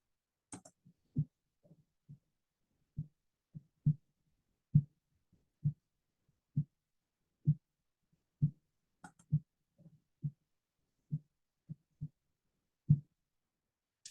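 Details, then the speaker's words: Normal heart sounds, played for comparison with aortic regurgitation: steady, regular low heartbeat thumps at about 66 a minute with no added murmur. "so it's a normal and now it's uh aortic regurgitation normal"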